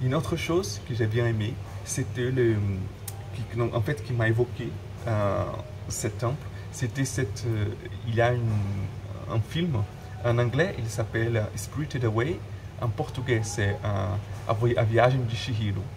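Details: Adult man who stutters, speaking French; word and phrase repetitions; stuttering.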